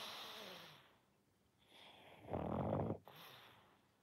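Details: Sleeping pug: one rough, snorting snore between softer noisy breaths; snoring.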